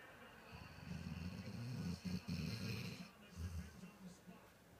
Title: Sirius snoring